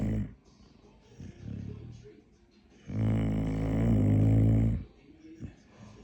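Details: Dog snoring at bedtime, with a loud rumbling snore in the middle and softer snoring breaths around it; ordinary sleep snoring.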